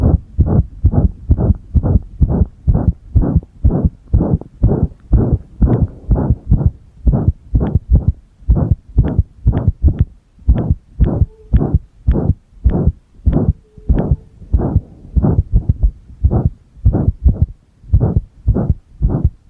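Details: Pressed-heart recording with single-lead ECG in use: heart sounds about 125 per minute with uneven spacing and occasional pauses; irregular heartbeat (arrhythmia).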